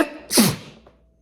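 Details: A single sneeze: a short indrawn breath, then one sharp, hissing burst that fades quickly.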